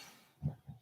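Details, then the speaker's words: Dog sleeping and snoring in the background: two brief, low, rumbling snorts less than a second apart, heard faintly over quiet room noise. "you know that's my dog snoring in the background by the way if you hear these noises if you look at her"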